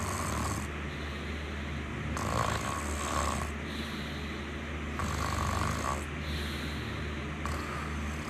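A fluttering, low rumble that rises and falls with each breath under heavy background hiss. This is soft snoring.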